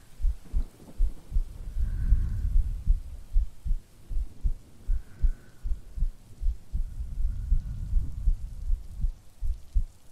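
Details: Steady soft low heartbeat thumps, about 79 a minute, from an ASMR creator playing a sleepy girlfriend, recorded as a sleep aid with breathing, rain and occasional rumbling thunder behind; normal heartbeat.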